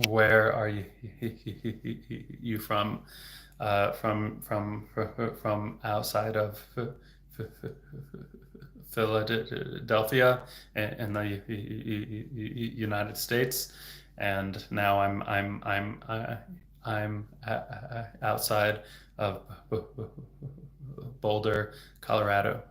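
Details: Adult man who stutters; onset in third grade, around age 8; speech therapy off and on until about age 20, later trained as a speech therapist; stuttering.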